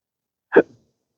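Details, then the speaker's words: A single short, abrupt hiccup with a voiced gulp, recorded outdoors at sunrise, from a person with rare chronic disabling hiccups and burps since December 2015, which began after surgery that left nerve damage. "I mean um especially when with the condition that I have uh makes you almost a hermit and uh uh just doing anything social is often ruined by these hiccups."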